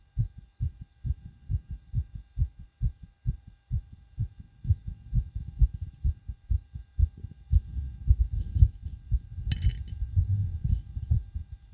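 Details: Own heartbeat recorded with a DIY stethoscope right after backflips and bouncing on a trampoline: fast, strong, pounding beats well over 100 a minute, with rubbing noise later; rapid heartbeat after exercise (tachycardia).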